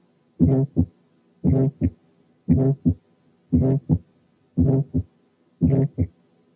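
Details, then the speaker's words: Still's murmur (innocent functional systolic murmur): regular heartbeat near 58 a minute with a short, buzzing, slightly musical murmur in early-to-mid systole only. "وبتكون شورت في اول ووسط السيستلي بس، وبيكون فيها زنه او صوت موسيقي خفيف بيقولوا عليها بازنج يعني فيها زز. تعالوا نسمعها كده."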